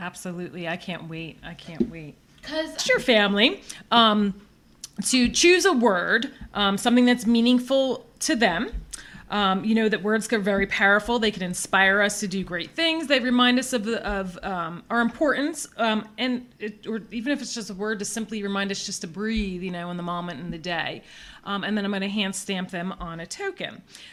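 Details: Adult woman speaking; typical speech.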